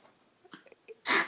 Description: My name is Maggie. I'm a cute yorkie but when I get too excited I sneeze and cough. Thanks mother nature for the short respiratory tract.